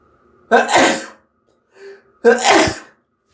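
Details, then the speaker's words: Sneezing deliberately triggered by sniffing black pepper: two loud, explosive sneezes about two seconds apart with a short sharp inhalation between. "Hello, I'm gonna sneeze. With pepper. Happy Valentine's Day."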